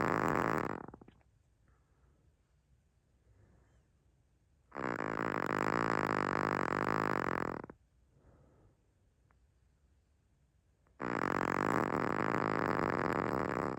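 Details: Chihuahua snoring louder than most humans: long, loud rasping snores about every six seconds with quiet pauses between; ordinary dog snoring.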